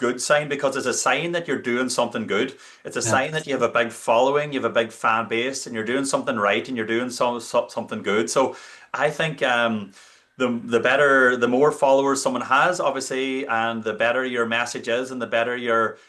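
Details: Adult man speaking; normal fluent speech.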